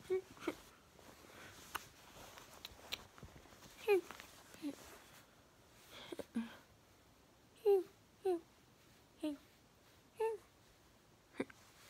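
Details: Moderately bad vocal tic day; vocal tics.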